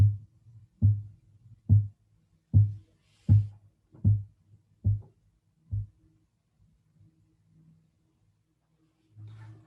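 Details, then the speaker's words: Teaching example of blood pressure measurement with stethoscope and manometer: eight regular low tapping Korotkoff sounds at about 73 a minute soften, then vanish during cuff deflation. "in the following example please listen for the various phases of the krotkov sounds while you observe the reading on the manometer"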